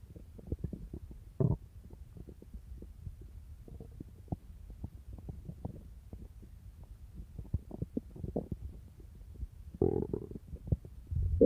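Low gurgling rumbles and bubbling pops from the belly; ordinary stomach growling.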